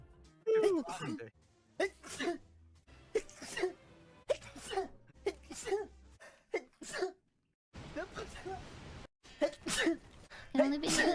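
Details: About nine short, sharp sneezes in a row from a streamer in a sneeze compilation, each a quick intake then a forceful burst, with light music behind.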